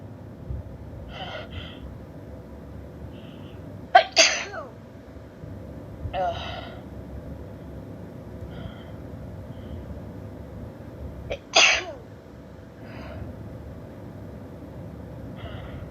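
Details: Female with dust allergy sneezing: two loud sneezes, each after a sharp inward breath with drawn-out vocal buildup, plus a few softer breaths and sniffs; repeated sneezing.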